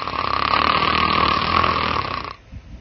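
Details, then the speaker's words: Loud, rough, vibrating snore lasting about two seconds in sleep-disordered breathing; upper airway vibration frequency and loudness increase breath by breath, with turbulent airflow and increased breathing effort; snoring with upper airway flow limitation, which often leads to arousal. "Breath by breath the frequency of the upper Airway vibration increases along with the loudness of the snoring snoring also increases the effort required to breathe and it can be rather noisy"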